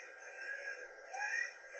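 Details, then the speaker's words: A young girl with croup (viral laryngotracheitis), recorded by her mother: harsh, high-pitched inspiratory and expiratory stridor with a barking cough, retractions and tracheal tugging. "can imagine if this has some adema it's really going to get quite narrow and causes that Strider and this barking cough that's much louder and more significant in the kids"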